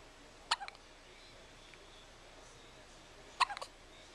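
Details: A 9-day-old with hiccups: two sharp, brief hiccups about three seconds apart, each a quick click with a small trailing catch.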